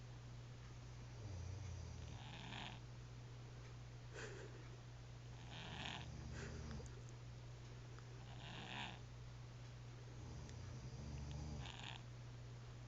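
Soft, low snores repeat irregularly over a steady hum of background noise.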